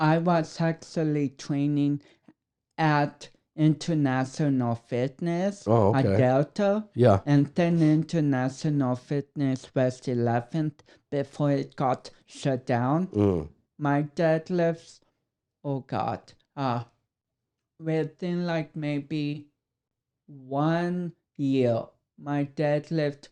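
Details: Mild dysarthria from cerebral palsy in a 32-year-old man, whose cerebral palsy affects speech coordination and walking.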